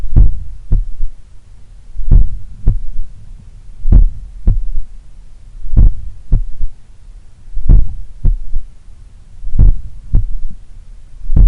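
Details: Heart recorded at the apex in the morning, lying on the left side; slow powerful beats near 32 per minute, each a triple rhythm with soft third sound after S2, attributed to blood recoil or a slightly larger, supple left ventricle. Finding: S3.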